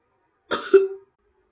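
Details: Apparently feeling a little sick, gives a single short, dry cough with a brief voiced tail in a quiet room, then clears throat.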